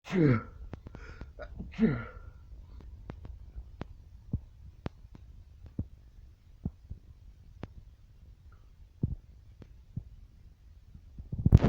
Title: sneezing like mad and it's annoying!